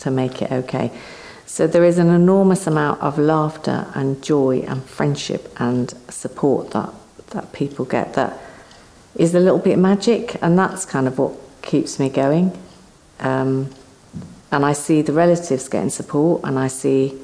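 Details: Adult speaker; fluent conversational speech.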